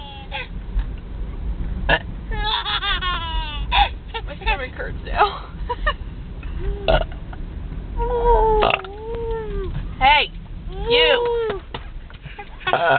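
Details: Baby boy laughing with squealing giggles at his sister's loud burps in a car, with adult chatter; burping.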